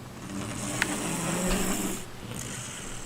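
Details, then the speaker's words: One low, rough, rumbling snore lasting a few seconds with a faint click, against quiet room noise, from a sleeping person keeping his brother awake at night; snoring. "Zacree can't sleep. He always like snores."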